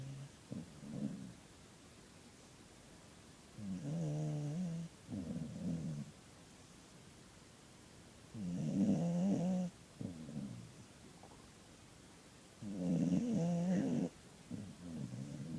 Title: Dog snoring